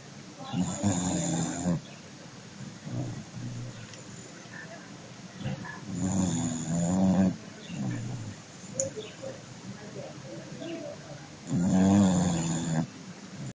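Three loud, rough, rattling snores at slow, uneven intervals, with quiet breathing between them; ordinary snoring in a sleeping dog.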